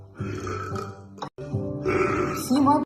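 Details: Woman burping deliberately (compilation): two long, deep, voiced belches with a short break between them, music in the background.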